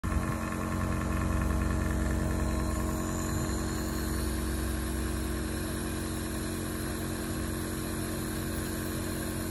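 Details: Nebulizer compressor running during a baby's treatment for a cold: continuous low rattling motor drone with a steady buzz.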